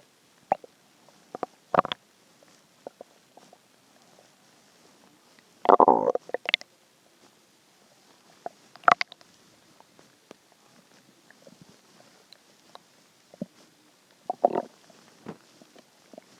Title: hungry stomach growls 1